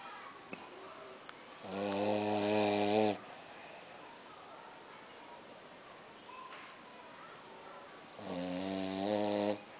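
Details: Tired French bulldog snoring: two loud, buzzing snores on the in-breath, separated by quieter breathing, in a small room.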